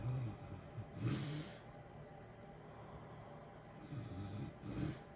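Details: Natural sleep snoring: two snorting snores on the breath over steady heater white-noise hiss.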